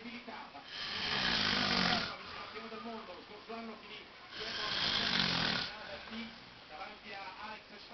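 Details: A man dozing off while watching an Olympic race walk on TV: two long, harsh, rasping snores a few seconds apart, with television commentary in the background; ordinary snoring in sleep.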